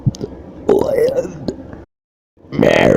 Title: A short one - burp compilation 10 - DOUBLE DIGITS!